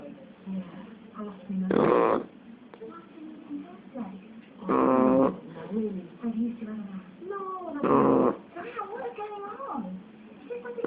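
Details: Nine-week-old Shar Pei puppy snoring all night: three loud, buzzing snores about every three seconds, with snuffly, whistling breaths in between, about 19 breaths a minute.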